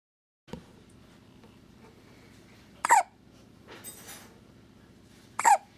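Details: A 19-day-old infant hiccupping: three sharp, sudden hiccup sounds over about five seconds against a low steady background hum; persistent hiccups.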